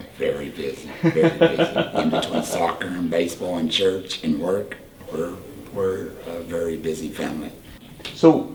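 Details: Tracheoesophageal speech in a 38-year-old man using a Provox voice prosthesis after total laryngectomy for cancer.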